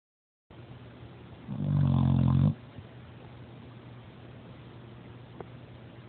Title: My gorgeous snoring son